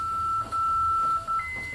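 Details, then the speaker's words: Defibrillator charging to 150 in a simulated cardiac arrest training scenario, with shockable rhythm and ongoing chest compressions: a steady electronic tone, briefly interrupted, then stepping up in pitch over room noise. "Okay, I'm getting in charge. Stay on the chest, please. Charging your 150."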